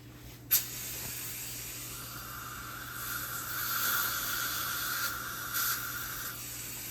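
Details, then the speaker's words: Dental water spray rinsing off gel cleanser (etch) from a tooth before a white filling is placed: a click, then steady hissing spray over a low hum. "All right, so we're going to apply the gel cleanser. And we're going to rinse that off."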